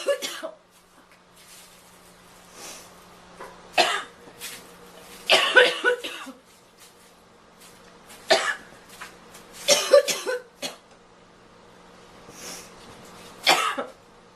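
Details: Girl coughing and needing to blow her nose: repeated harsh cough bursts, about eight in fourteen seconds, some in clusters, with a faint steady room hum.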